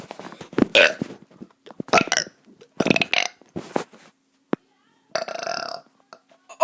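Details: A kid deliberately doing burps: a series of loud, drawn-out voluntary burps with short gaps between them.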